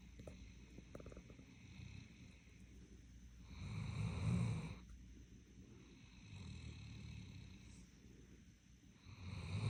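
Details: Doberman snoring in deep sleep: low, rumbling snores rising and falling with each breath, with a louder snorting inhale in the middle.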